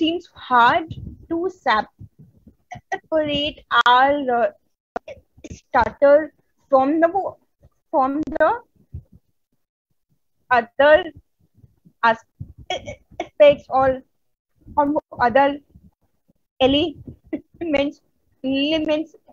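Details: Woman who stutters, a member of an Indian stammering self-help association, speaking at a stuttering conference; stuttering.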